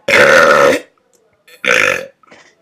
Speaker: This is going to be my first burp video in 4 months, at least. That's some power.